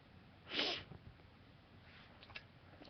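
A single sharp, explosive sneeze followed by a soft sniff, from an adult with a cold.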